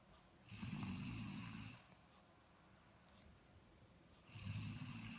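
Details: Person snoring while asleep: low rumbling snores on two in-breaths, separated by a quiet stretch.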